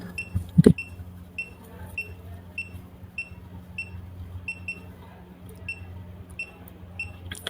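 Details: Uniwer HP100 handheld pulse oximeter with adult probe on the demonstrator's hand: short, high, regular beeps, one per heartbeat, about 95 a minute, over low room hum; normal pulse tone.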